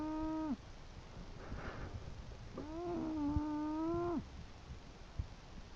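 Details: English bulldog snoring while asleep: long, high-pitched whistling snores on the in-breaths, with a softer rushing breath between them.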